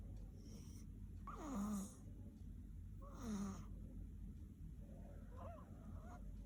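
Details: Soft, rough snoring sounds with breaths from a sleeping baby over steady room noise; ordinary infant snoring.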